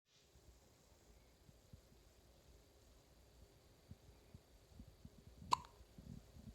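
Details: A child with hiccups in a faint, quiet room: a few soft, low gulping sounds and one sharp click-like catch near the end.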